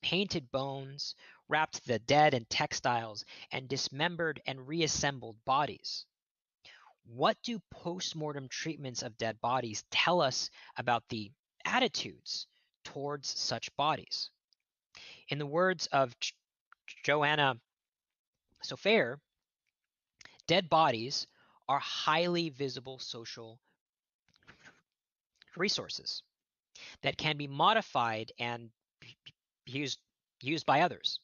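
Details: Real stuttering in an adult man who states he is a person who stutters, heard during a lecture he is giving.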